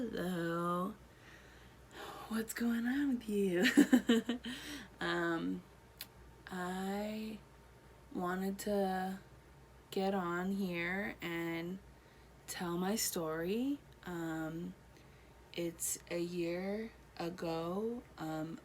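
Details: Adult woman one year after a stroke affecting her right side, speech improving with therapy; Broca's aphasia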